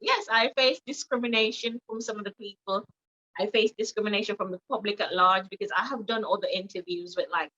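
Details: Adult woman with foreign accent syndrome after brain damage with swelling, accent involuntary and reportedly changing when she is emotional; foreign accent syndrome.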